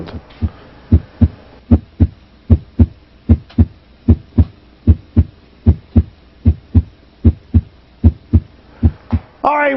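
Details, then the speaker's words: Heart sounds in a healthy young man: a regular beat near 75 a minute with a soft third sound after S2, a physiologic S3 gallop from rapid ventricular filling, a normal variant. "an s3 gallop can be a normal anatomic variant in a young healthy person it's the sign of rapid ventricular filling it's an extra heart sound"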